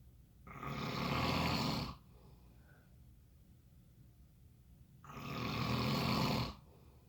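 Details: Snoring during sleep: two long, harsh, rumbling breaths about five seconds apart, with quiet in between.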